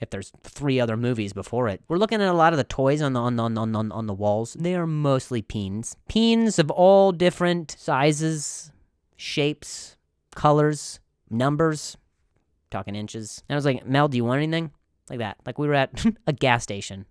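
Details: Adult man who stutters, with part-word and phrase repetitions; stuttering.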